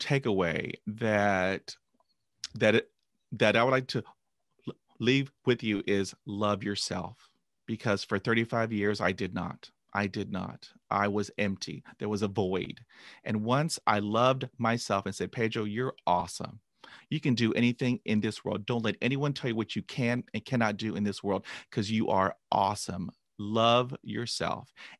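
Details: Adult man who began stuttering after a traumatic dog attack at age 5, with 20 years of speech therapy; stuttering.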